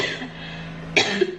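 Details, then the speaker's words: Adult with a cough, before using a home garlic remedy: coughing. "now like can you hear me cough I know you can I have cough"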